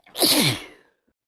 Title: cold sneeze compilation (m)